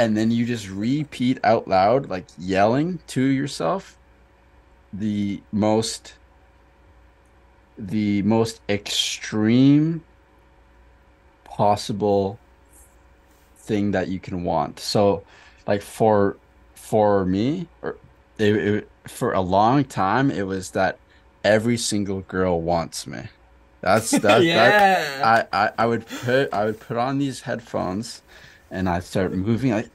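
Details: Adult man who stutters; stuttering with audible word and part-word repetitions.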